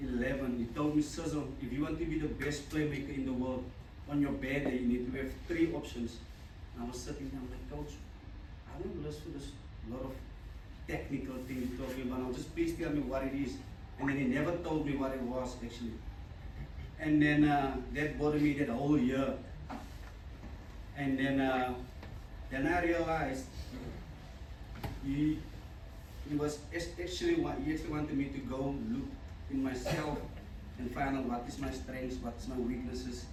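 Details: Stuttering in an adult man, a former rugby sevens player, who says he still stutters and that his stutter was very severe as a child.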